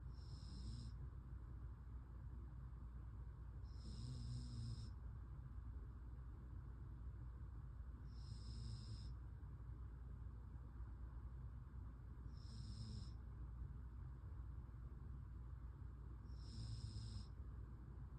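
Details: Soft, regular snores about every four seconds, roughly 14 a minute, over a steady low background hum; ordinary snoring.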